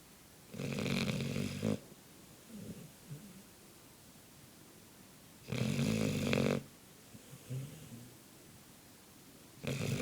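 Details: Labrador dog snoring while asleep: loud rattling snores about every five seconds, roughly twelve a minute, with quieter breathing between.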